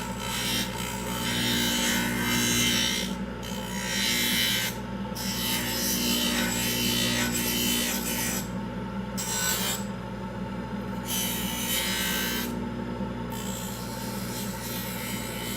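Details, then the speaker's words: Aluminum oxide acrylic trimming wheel grinding a labial-acrylic orthodontic retainer to thin it; steady rasping that rises and falls as the piece is pressed, with suction hum. "So what I'm doing is thinning it down to pretty close to where I want it. You don't want it too thin that it breaks, but you don't want it too thick that the patient will never wear it."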